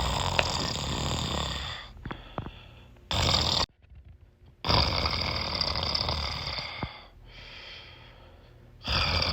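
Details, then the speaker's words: Loud, harsh snoring with noisy breaths and pauses between snores, light room noise, from a sleeper in an animated comedy short, compared to jet engine noise; snoring. "Stop fucking snoring, damn. I'm trying to goddamn fucking sleep, and all I hear is your jet engine noise."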